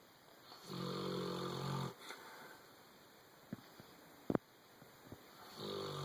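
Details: Ron, a dog, snoring while asleep and dreaming: soft rumbling snores on the in-breath, with small twitchy snuffles and clicks between them; snoring.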